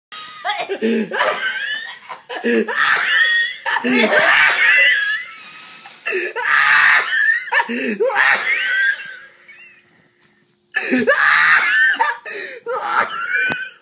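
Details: Wheezy laughter from a woman: hearty bursts of laughter with high, squeaky, whistling in-breaths between peals; she says afterwards that her stomach hurts from laughing.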